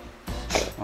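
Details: Dog with a cold and cough, isolated for suspected kennel cough caught from another dog: brief harsh, noisy burst, a gagging retch, over background music.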